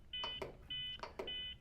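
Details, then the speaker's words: Steady high electronic beeps from a Zoll X Series Advanced monitor's CPR metronome, set at 105 compressions per minute during manual CPR training, with knocking and room noise. "beeping that you hear is set at 105 compressions per minute you'll only hear that when you're doing manual CPR so every time he hears a beep he should do a compression"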